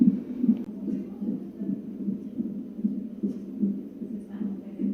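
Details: Fetal heartbeat of a boy, about three pounds and 16 inches long and measuring on target, at a prenatal visit: rapid muffled whooshing pulses roughly 140 a minute over a steady low hum.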